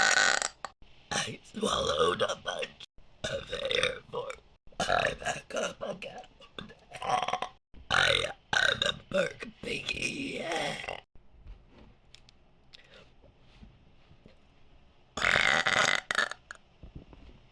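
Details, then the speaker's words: Deliberate big burps after swallowing air: a run of long, loud belches, some stretched and shaped like talking, with quiet gaps between; repeated voluntary burping. "I'm running out of error have to let it rise to the surface before I canvert more hold on I just had a slch [Music] there we go there's a big one"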